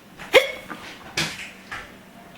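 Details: Mother's hiccups, her baby laughing at them: three abrupt, sharp gulping catches in about two seconds in a quiet small room.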